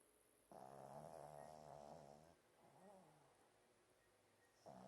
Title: My dog snoring